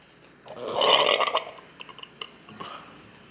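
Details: Burping during a burger-and-fries mukbang: a loud, drawn-out burp lasting about a second, followed by faint eating and mouth noises.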